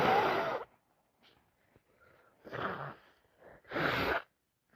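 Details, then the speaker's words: Two loud, explosive, wet sneezes with a quieter sniff between, in an adult on day 2 of a bad head cold with runny nose, sneezing about five times a minute; repeated sneezing. "I'm sneezing over everything. Sneezes are so loud. They're so wet."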